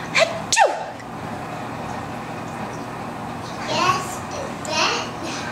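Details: Toddler asked to sneeze makes a short, breathy pretend sneeze, a playful imitation rather than a real sneeze.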